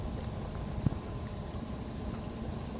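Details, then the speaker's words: Simulated bowel sounds from a training mannequin's abdominal speaker, heard with a stethoscope: a low, steady whooshing rumble with one brief gurgle. "Next we'll go over the bowel noises. The speaker for the bowels will be located over the abdominal portion of the mannequin, and you will also need the stethoscope to hear that. And this is mostly just a whooshing noise."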